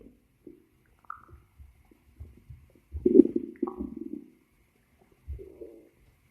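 Scattered gurgles and squeaks with one longer bubbling growl; ordinary stomach growling from gas and fluid moving through the gut.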